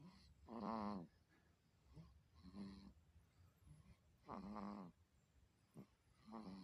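Repeated low, buzzing rattles with each breath, about 30 a minute, in a quiet room; snoring.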